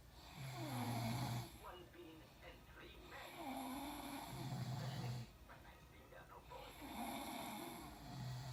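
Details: Loud, rattling snores about every three seconds, roughly 20 a minute, with two overlapping tones suggesting two sleepers snoring together; snoring.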